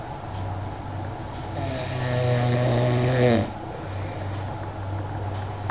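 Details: A loud, rattling, low snore on the in-breath, rising and then cutting off, over steady room hum; snoring.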